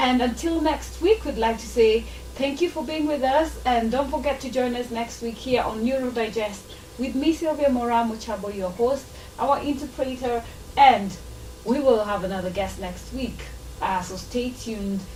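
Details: Adult woman speaking; Normal speech.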